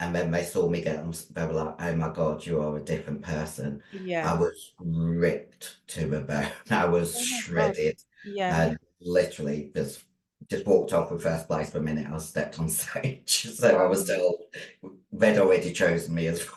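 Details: Androgen-induced voice deepening (virilized voice) in a 56-year-old female bodybuilder after large-dose anabolic steroid use, including male steroids; voice formerly high-pitched, now very deep, can no longer sing; also has chronic kidney disease.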